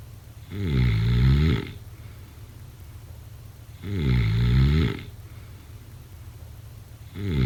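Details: Regular low, rattling snores on inhalation during sleep, about 18 a minute, with quiet pauses between; ordinary snoring.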